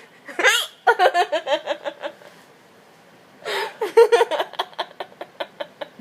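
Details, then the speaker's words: Girl hiccuping while laughing hysterically: two sharp hiccups, each followed by a run of giggly laughter. "You got hysterical hiccups. You're hysterically laughing and hysterically hiccuping. Is it ever going to end?"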